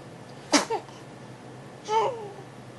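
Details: A sneeze: one sharp explosive burst followed by a second voiced release, then a brief vocal sound.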